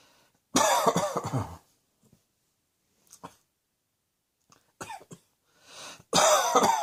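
An adult's loud burst of several rapid coughs, quieter single coughs, a noisy in-breath, then another strong coughing bout: repeated coughing fits.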